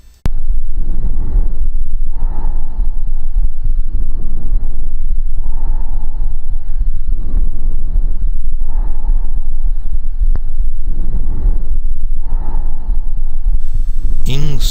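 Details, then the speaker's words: Normal bronchial breath sound heard over the sternal manubrium: loud, hollow blowing breathing with expiration longer and louder than inspiration, sometimes with a pause between them. "o som brônquico seria produzido ao nível brônquico e normalmente ele é escutado sobre o manúbrio external Vamos ouvir o som bronquico"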